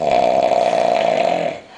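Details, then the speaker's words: Man snoring heavily while drunk on New Year's, not waking despite loud talking: a loud, rough, rattling snore on one long breath, fading at the end; heavy snoring. "you ain't that serious are you yo That's like [ __ ] 3,000 RPMs holy [ __ ] I'm supposed to sleep with this [ __ ]"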